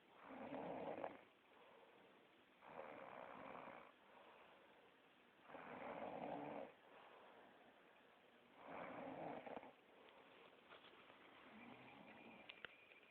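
Slow, regular rasping snores, about one every three seconds, with quiet breathing between them in a still room: ordinary snoring.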